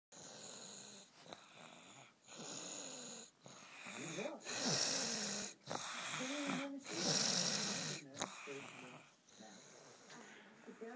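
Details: Sick person with clogged nose, headache and slight temperature, later hospitalized that week: irregular, loud snoring breaths with short pauses, some whistling nasal tones; snoring through a blocked nose.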